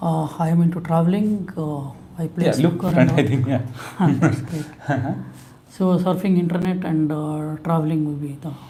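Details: Male patient recorded before voice therapy, reporting a high-pitched voice, wanting a deeper voice and feeling less confident because of it; high-pitched voice (puberphonia)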